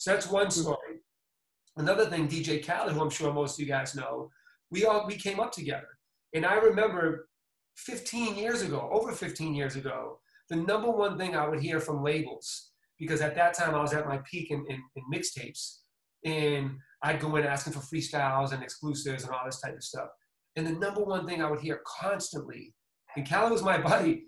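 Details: Adult man; normal speech.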